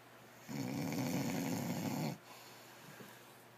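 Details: Person snoring: one long, rough, fluttering snore on a breath in, lasting under two seconds, then quiet breathing; ordinary snoring.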